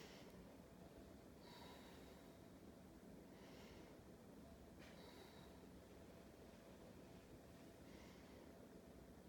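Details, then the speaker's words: Lung auscultation in health assessment of a female patient breathing deeply: faint slow deep breaths over room hum, no crackles, rales, wheeze or stridor heard; normal breath sounds. "let me to your side okay so no adventitious travel breasts our own assessment didn't hear any crackles or rails or anything that indicated the patient and the issues with respiration"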